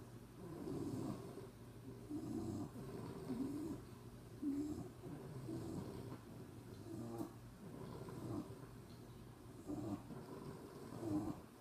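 Overlapping low rumbling snores from more than one sleeper, irregular and layered, with quiet room noise between.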